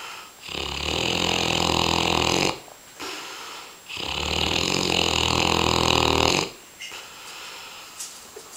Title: Vito is snoring like no other dog! :D